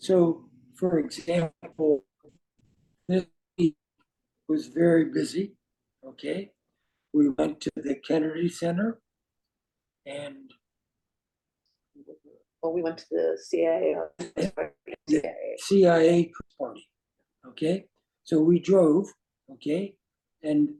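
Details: Adult man with aphasia caused by a stroke, with non-flowing words and difficulty with instant word choice and finding how to say what he wants: aphasia.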